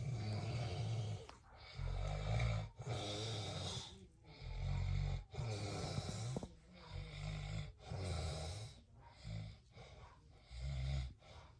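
Rhythmic low rumbling snores with each breath, about 24 a minute, some uneven: snoring.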